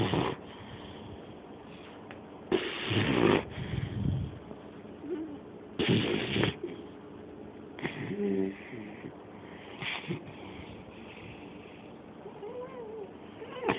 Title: Pitbull snoring!!!